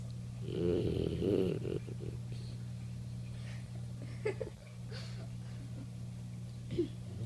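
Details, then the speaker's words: Boxer puppy snoring while lying on a person's legs: soft, low rumbling breaths with a nasal rattle, the snore rising and falling under a steady low room hum. "you're on my legs yeah you're snoring on my leg would you give it"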